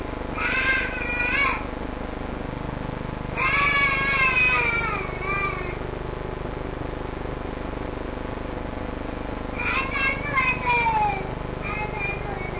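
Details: Three-year-old boy with 7 months of breathing difficulty who can't sleep at night: three harsh, high-pitched musical breath sounds separated by quiet gaps, consistent with stridor.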